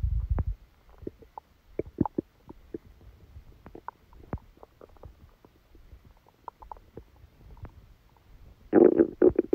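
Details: Stomachache after Christmas dinner, recorded from the belly while sleeping: irregular gurgles, squeaky pops and low rumbling; bowel sounds.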